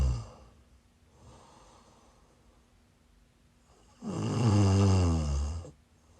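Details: Live-streamed sleep recording of a sleeper who is sick: a single loud, low, rattling snore on the in-breath after a quiet stretch of breathing; snoring during sleep.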